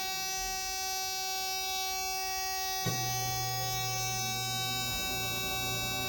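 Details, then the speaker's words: Oxygen concentrator power-loss alarm: a loud, steady buzzing tone that sounds when the device, switched on, suddenly loses power, as in an outage or storm. "the other thing you want to listen for is if this machine loses power so let's say there's a power outage a storm this is the sound you should hear"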